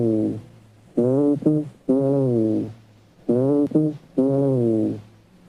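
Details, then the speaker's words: Bronchophony on chest auscultation: loud, clear spoken syllables transmitted through the chest wall, a sign of lung consolidation. "This is your bronco for me. All right. Whisper sound can be heard clearly. I mean like the spoken sounds can be heard clearly. This is a sign of consolidation."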